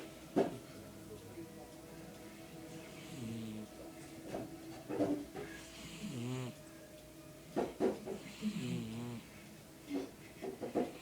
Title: My cat snoring while sleeping